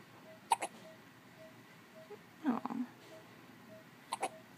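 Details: Newborn with hiccups in a quiet room: short, sharp hiccups in quick pairs near the start and end, with a soft grunting sound in between.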